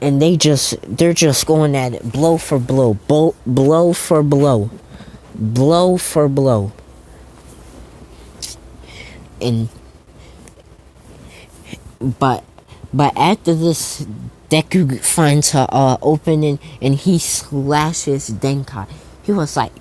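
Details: Stuttering, self-reported by a male narrator who says he stutters a lot, with repeated words and phrases while narrating a story.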